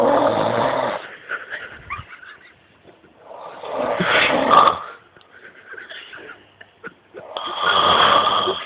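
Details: Sleeping man whose snoring is troubling the household: three loud, rattling snores on inhalation about every three and a half seconds, with quiet breathing between; ordinary heavy snoring.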